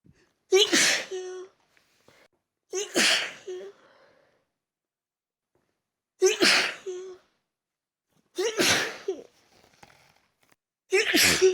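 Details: Huge sneezing fit set off by taking chhinkni (snuff) after a long break: five forceful sneezes in a row, each a sharp burst with a voiced 'choo', separated by short pauses; sneezing.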